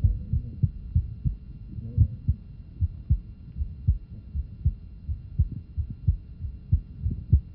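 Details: Regular heartbeat with a soft early systolic murmur at the lower left sternal border; innocent murmur.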